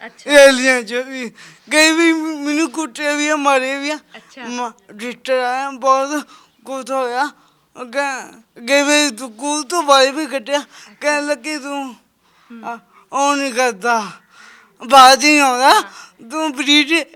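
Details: Young Sikh man with a disabled hand and a speech problem present since birth; he cannot speak properly; speech impairment with stammering and unclear articulation.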